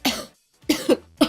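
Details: Girl with a cold and very sore throat coughing: two short, dry coughs in quick succession.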